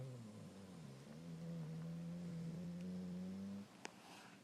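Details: Bulldog snoring: a drawn-out, low, buzzing, tonal snore lasting a few seconds in a quiet room, followed by one soft click.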